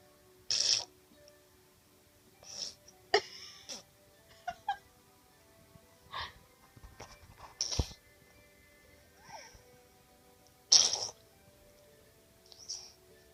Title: Fake sneezing